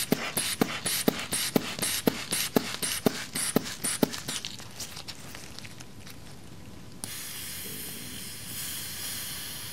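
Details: Simulated medical role play during a routine blood pressure check on the arm, reading 110/75: regular soft clicks about two a second fade into a steady hiss as the cuff deflates.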